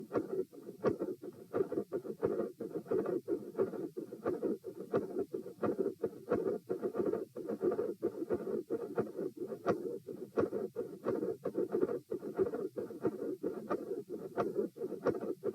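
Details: Heart sounds recorded at position P with the patient sitting: sharp high-pitched mid-systolic clicks recurring about 88 times a minute over a steady rushing murmur.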